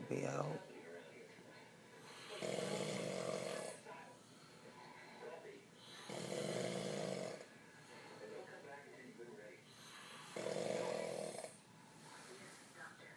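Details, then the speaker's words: Heavy snoring: loud, harsh snores about every four seconds, roughly 15 breaths a minute, with quieter breathing between them. "Yeah, bruh, it's snoring loud the fuck."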